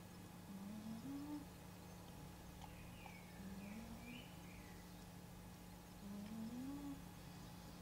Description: My cat snoring like nobody's business!